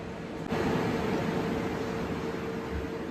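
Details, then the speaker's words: CT scanner running during a neck scan, patient lying in the machine with head positioned, hospital in Bangalore: a steady mechanical whir with a faint tone starts up and holds. "এটা হচ্ছে CT scan room. CT scan রুমে এটা কিন্তু CT scan চলছে।"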